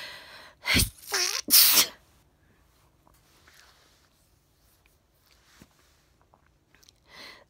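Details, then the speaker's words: Person sneezing twice loudly after a quick breath in, having felt the sneeze coming on all day, while tired and about to go to bed. "sneeze has been coming on all day i felt the sneeze coming on all day and i was waiting at my camera already"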